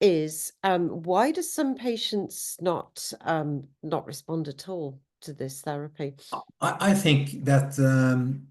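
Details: Adult speaker; normal speech.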